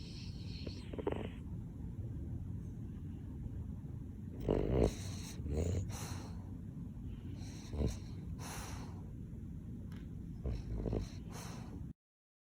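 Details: Sleeping Boston terrier snoring: steady low rumbling breathing with several louder snorting bursts spaced a few seconds apart.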